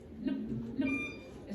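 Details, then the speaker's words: Spoken imitation of normal heart sounds as heard with the stethoscope over the valve projection areas: two short thumps, lub then dub, from normal valve closure. "cuando nosotros ponemos el estetoscopio sobre las válvulas Bueno más bien sobre la proyección de las válvulas se escucha como"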